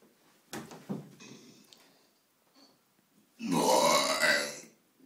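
Faint noises, then a loud, rough, drawn-out belch lasting about a second; a burp.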